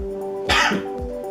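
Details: One deliberate, forceful voluntary cough over steady background music, from a nursing demonstration of breathing and coughing exercises for a patient just out of surgery.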